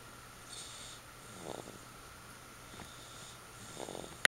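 Soft, faint rattling snores on slow breaths over steady room hum, ending in a sharp click.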